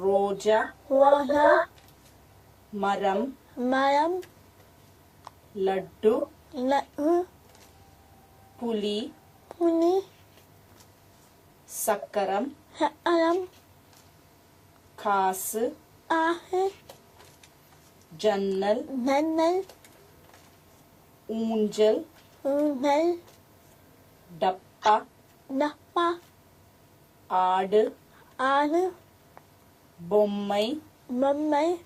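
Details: Child with cleft lip and palate doing word repetition: bilabials intact, alveolars intermittently affected, and from retroflex sounds onward nearly all sounds backed to glottal production; glottal stop substitutions in cleft palate speech.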